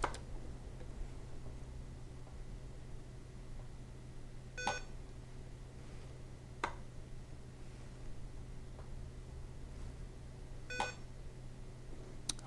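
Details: SAV04 pressure-cycled small animal ventilator giving IPPV through a T-piece circuit: short electronic breath beeps every few seconds over a low room hum, running normally.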